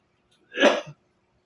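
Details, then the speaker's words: Single short, harsh cough from an elderly patient just back from an x-ray, attributed to weather and age, in a quiet room. "Naririnig nyo yung ubo na yan? Yan, may pasyente ako. Yan, kanina galing kami sa x-ray."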